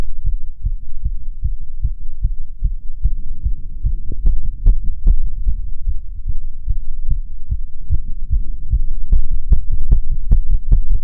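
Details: Self-auscultation of own heart while standing (orthostatic) and sitting: rapid, regular heartbeat, roughly 150 sounds a minute, with crisp beats and no added sounds; tachycardia with otherwise normal heart sounds.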